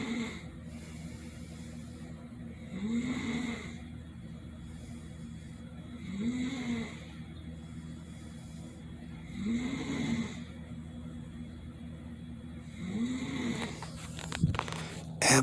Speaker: She took a muscle relaxer. She's out like a light. We have some movement. Are you awake? I am. She sounds like a busted chainsaw.